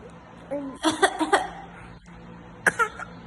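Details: A 7-month-old baby imitates a cough with a few short, voiced cough-like bursts; this is a voluntary, fake cough rather than a true one.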